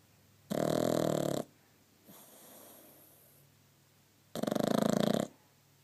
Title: Petey the pug snoring